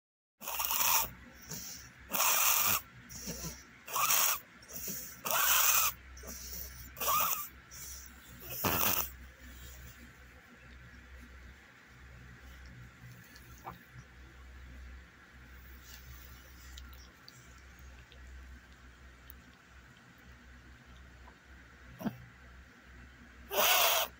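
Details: A dog makes a run of harsh, noisy breaths with a faint whistling edge, then goes quiet: wheezing.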